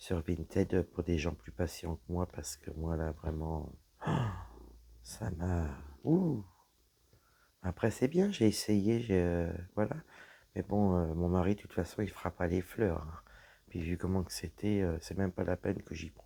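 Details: Woman with dysphonia after a serious health problem damaged her vocal cords; her voice is lower than before, at times weak, and she cannot speak loudly; low-pitched voice.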